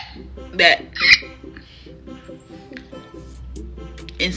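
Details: Woman with self-reported Tourette's; her most frequent tic is a throat grunt, disguised as throat clearing; recently had two wisdom teeth pulled: vocal tic (Tourette's).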